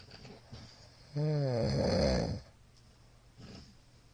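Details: Middle-aged man asleep, recorded 22 Feb 2022 on a night described as especially loud; a single loud, rumbling inspiratory snore over a second long, with quieter breathing either side: snoring.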